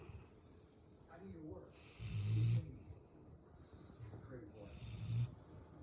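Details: Male black Labrador sleeping on the couch: slow, deep rumbling snores on each breath in, with soft breathing between; snoring.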